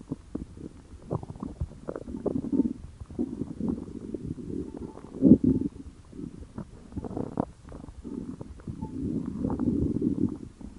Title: Stomach Growling